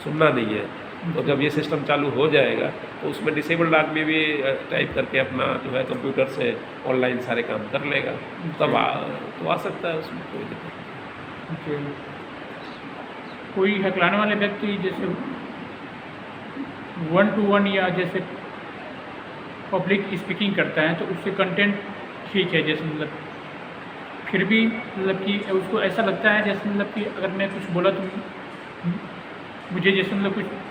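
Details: Adult male speaker; stuttering.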